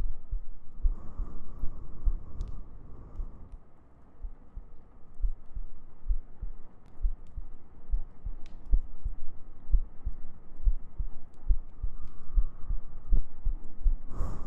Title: ASMR Sleep Aid | Your GF Cuddles You To Sleep ♡ [Heartbeats] [Gentle Breathing] [Humming]